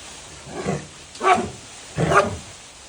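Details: Rottweilers in a kennel, all with kennel cough; hoarse bark.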